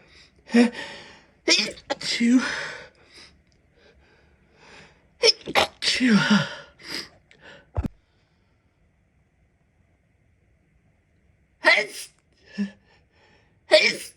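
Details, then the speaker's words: Run of sneezes from an adult, mostly stifled, several partly held back and one louder sneeze let out fully, then quiet. "Knock myself over. That was a sneeze."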